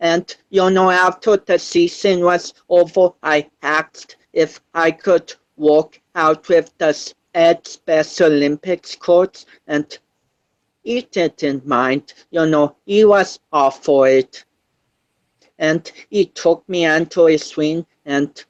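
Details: 25-year-old male born with cerebral palsy affecting balance, coordination and speech; dysarthria associated with cerebral palsy.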